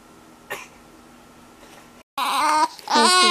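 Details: A short soft cough, then loud wavering crying from a sick infant with a bad cold, runny nose and skin outbreaks, in a quiet room.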